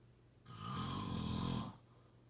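A single loud, buzzing, vibrating breath lasting over a second; a typical snore.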